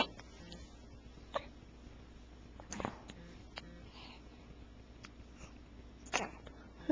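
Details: Infant at 4 a.m., just after a feeding, recorded in 2008 on a Flip Video camcorder: several brief, sharp catching sounds at irregular intervals in a quiet room, described as her worst case of hiccups, though she is not bothered.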